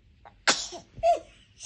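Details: Baby sneezing while trying to sing: a small inward breath, then a sharp sneeze and a brief second burst.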